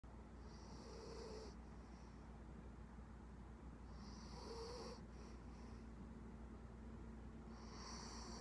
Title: Puggle puppy snoring